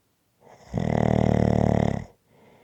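One loud, rattling snore on a breath in, lasting over a second, after a quieter breath.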